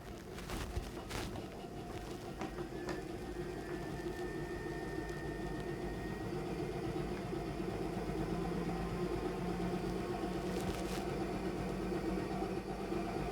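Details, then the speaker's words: High-frequency chest wall oscillation vest for cystic fibrosis airway clearance in a child, Minnesota protocol cycle one: 8 Hz, pressure 8, shown briefly; steady, low, rapid buzzing hum over room noise, shaking the chest to loosen mucus. "cycle number two the hertz will move to nine the pressure remains the same and the minutes remains the same"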